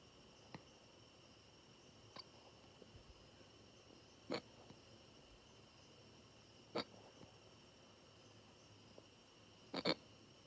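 Short, sharp, abrupt hiccup sounds at irregular intervals over quiet room noise, about five in ten seconds; typical hiccups.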